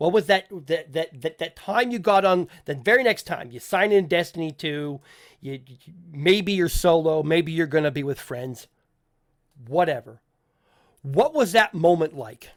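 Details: Adult male podcast host who says he stutters, with people in voice chat often asking him to repeat himself; stuttering.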